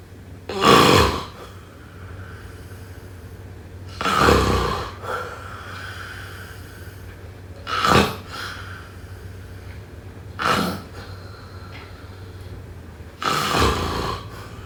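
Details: Loud, rough snoring snorts recurring about 17 times a minute at an uneven pace over a steady low hum.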